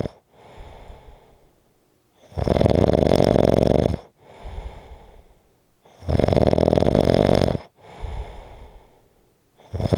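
Loud, harsh rattling snores on each breath in, alternating with softer breaths out, roughly 15 breaths a minute; heavy snoring.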